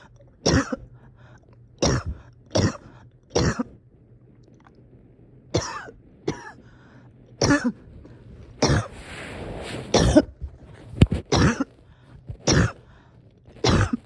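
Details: Person having a hard time resting or getting comfortable: about a dozen repeated harsh coughs with noisy breaths between them; cough with laboured breathing.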